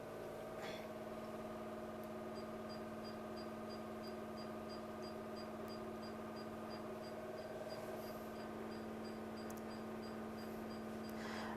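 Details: Diode laser hair removal machine running during beard removal on a man's face at the tested energy output; steady machine hum with a fast run of faint regular clicks as the laser fires in pulses.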